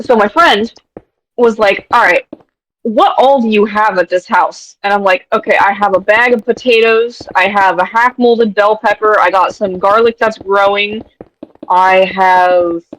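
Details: Adult speaker; ordinary speech.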